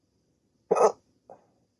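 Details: Hiccups in a person with sleep apnea, during a 16-minute attack on waking after sleeping with a CPAP mask: a sudden short voiced hiccup followed by a fainter catch of breath.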